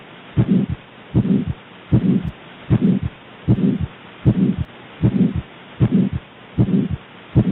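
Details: Aortic stenosis murmur: a harsh, whooshing murmur filling each beat between the heart sounds, with a regular heartbeat near 77 per minute.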